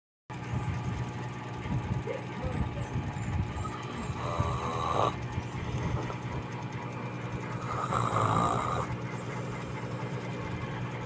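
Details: Low, rough rumbling snores over steady engine-like background noise from a tired sleeper, apparently a child with autism and speech difficulty; ordinary snoring during sleep.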